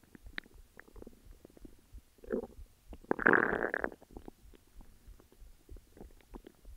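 Gurgling, bubbling rumbles with a louder growl midway; ordinary stomach growling.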